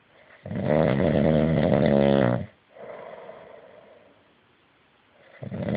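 A long, loud, fluttering snore on the in-breath, then a softer breath out and the start of the next snore. This is plain snoring.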